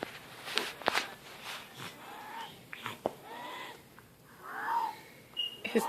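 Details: Sick baby drinking water from a bottle: high, squeaky whistling breath sounds between sips, consistent with wheezing.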